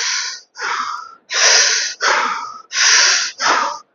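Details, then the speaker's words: Six slow, hissing breaths drawn one after another through a spacer chamber attached to a metered-dose inhaler (MDI), gradually inhaling the medicine trapped after one puff; a pulmonologist's demonstration of the technique for obese patients with limited capacity to inhale. "the medicine is trapped in this bottle. You don't need to draw as an emergency or immediately. As soon as you press the button, the medicine comes into the bottle. Now you can pull it little by little by applying the bottle four five six times."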